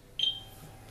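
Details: Aitecs 12S Pro syringe pump running propofol anesthesia infusion, pressing bolus button: single short high-pitched keypress confirmation beep over faint room hum.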